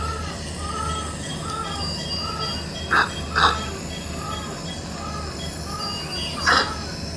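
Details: Newborn baby receiving nebulization after suction for chest care: steady motor hum and hiss of a running nebulizer, with three brief squeaky sounds from the baby.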